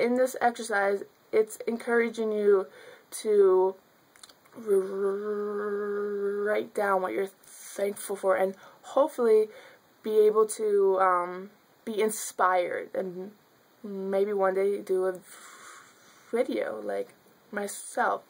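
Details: Stuttering in a young woman who has stuttered since childhood; fillers and repetitions.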